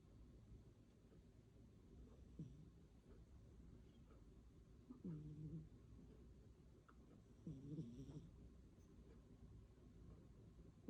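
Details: Snoring from a sleeping cat: soft, low rumbling snores with a few louder breaths over steady room hum.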